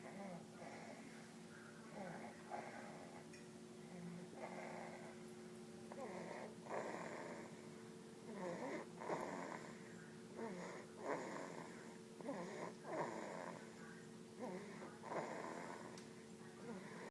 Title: Canon Snoring on Papa